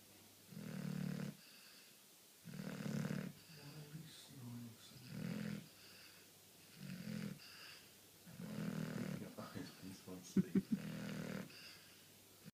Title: Charlie snoring!!!